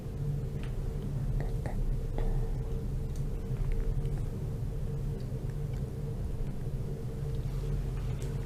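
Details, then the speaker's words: Virtual simulator of a child's lungs, with heart rate 110, respiratory rate 25 and SpO2 94%: harsh breathing with dry whistling wheezes over the whole lung surface. "всей поверхности легких выслушивается жесткое дыхание, а также сухие, свистящие хрипы."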